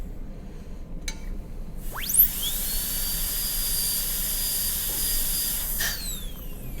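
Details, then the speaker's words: After a click, a high-speed dental handpiece spins up to a shrill whine and winds down after a few seconds. It is cutting straight in once the facial and lingual margins are set, in a Class II mesio-occlusal preparation on typodont lower tooth 30 in a demonstration. "And when you have the margins facial-lingually where you want them, then cut straight in."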